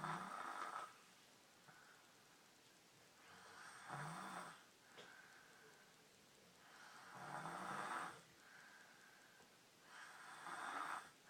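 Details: Snoring in normal sleep with the head cocked up, recorded January 5, 2012: rasping snores on each breath, about 17 breaths per minute, with quieter airflow between.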